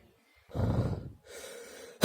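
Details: Person whose nose has itched a lot since swimming: a loud gasping breath, then a long rushing breath as the wind-up to a sneeze, cut off as the sneeze begins; noisy breathing.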